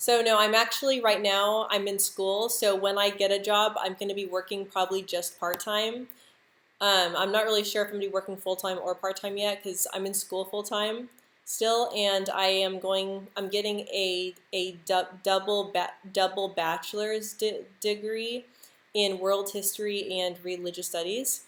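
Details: Adult woman who stutters, speaking English live; she reports stuttering more when stressed, insecure or nervous, with jaw and tongue tension; stuttering.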